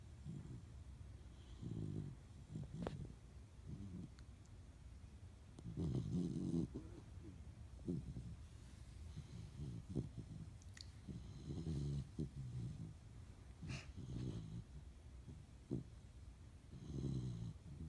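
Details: German Shepherd puppy snoring in sleep: low, rumbling snores every few seconds, about 14 per minute, with soft snorts between them.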